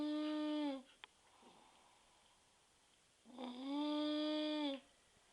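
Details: Snoring with a whistling quality: two long, high-pitched, whistling breath sounds with a quiet pause between them.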